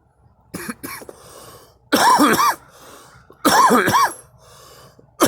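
Two short bursts, then two louder, harsher coughs in a quiet room; an adult coughing.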